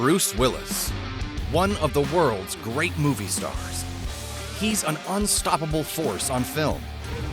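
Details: Adult male narrator; normal fluent speech.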